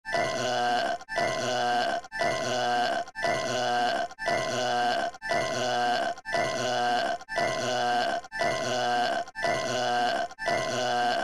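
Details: Looped cartoon sound effect of the character Yoshi burping: the same long, throaty belch repeats about once a second, eleven times.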